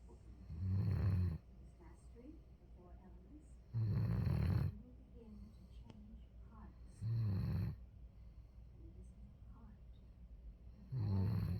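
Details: Dog snoring in sleep: regular low, rattling snores on breathing in, about 18 a minute, with quiet gaps between.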